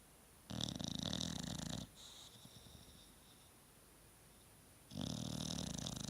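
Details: Man asleep: two loud, fluttering snores separated by a quiet pause; ordinary sleep snoring, described as his usual.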